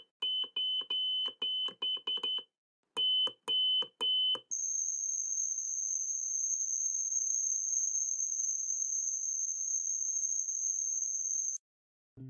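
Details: Simulated tinnitus sound example: beeping and high-pitched ringing, one of several tinnitus sound types (ringing, buzzing, hissing, pulsatile) played as audio examples.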